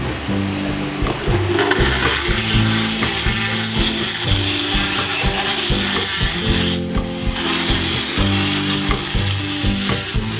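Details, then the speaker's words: Motorised power float on a 10–12-year-old Pura Raza Española horse, lightly grinding the occlusal surface but leaving it rough for mastication: continuous rough grinding and rasping with a brief break partway through. "And then we grind down the occlusal surface lightly, but we don't go smooth because you want to leave a rough surface so the horse can grind."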